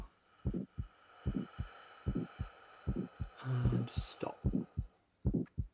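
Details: Simulated stethoscope auscultation at the neck with breath held after full expiration: regular beats about 75 a minute with a harsh ejection systolic murmur from aortic stenosis, radiating to the carotids.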